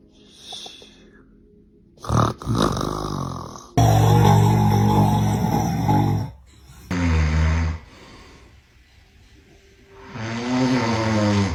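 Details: Dad snoring while asleep: loud, rough, low-pitched snoring bursts on breaths, with softer sounds between and background music; ordinary snoring.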